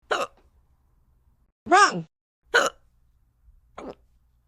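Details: Simulated cartoon hiccups voiced for the character Pencil during a kindergarten class numbers lesson: four short, abrupt voiced gulps at irregular intervals, one stretched into a squeak.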